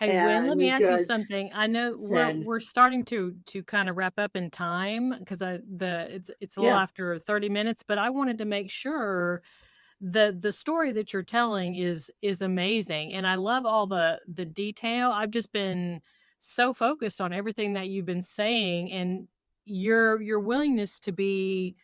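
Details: Adult woman speaking; Typical speech.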